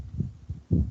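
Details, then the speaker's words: Normal first heart sound: low thumps with a single, unsplit first sound produced by tricuspid and mitral valve closure. "recuerden la válvula cuando ellas se cierran se producen los ruidos esos rollos se producen cuando se cierran las válvulas"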